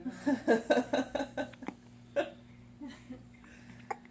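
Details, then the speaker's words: Infant with strong, gurgly hiccups: a run of short, sharp, voiced hiccups that sound powerful, over low room hum; the parent then offers to burp the baby. "Oh, those hiccups are strong. Sound like they hurt."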